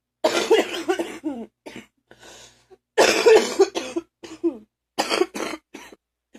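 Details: An adult coughs in three harsh bouts with rattling, phlegmy sounds, a wet productive cough.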